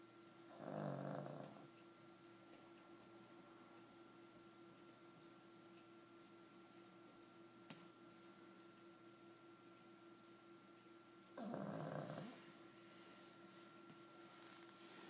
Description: Pugsley an 11yr old pug snoring while wearing her pug socks (to get traction when she walks due to arthritis.